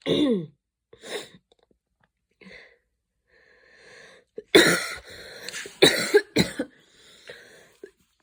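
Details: Adult after an evening run in cold air, mild asthma attack: breathy wheezy breaths with soft coughs building into a run of harsh, forceful coughs, an asthmatic coughing fit.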